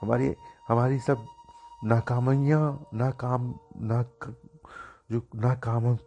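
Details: Male speaker who says he used to stutter a lot; repeated syllables on a word; stuttering.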